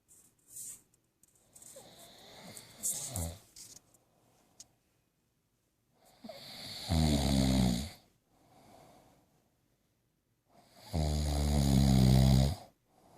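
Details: Snoring: loud, low rattling snores on inhalation separated by quiet exhalations; typical snoring.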